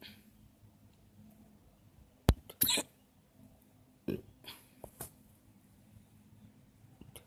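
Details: Several loud, short, sharp, sudden hiccups at irregular intervals against a quiet outdoor background in a park: hiccups.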